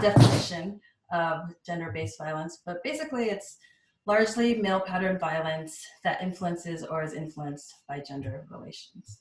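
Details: Adult speaker; ordinary speech.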